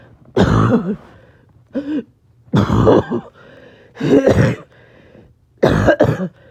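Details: Person a little short of breath, several coughing fits clipped back to back: four harsh, throaty cough bursts with short pauses and a small grunt between them; repeated coughing.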